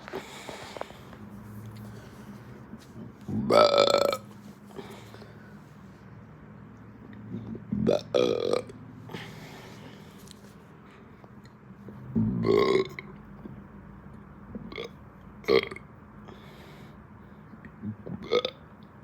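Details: Hiccup-like burps: repeated voiced burps, about six over nineteen seconds at irregular intervals, against low room noise; burping.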